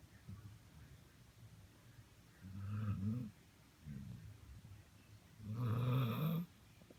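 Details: Low, rattling snores in a quiet room, about 19 breaths a minute, with each inhalation vibrating.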